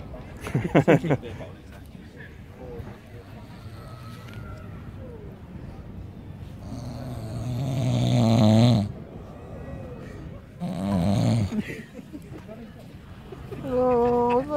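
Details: Snoring: loud, rough, low rumbling snores on long breaths, with some background sounds.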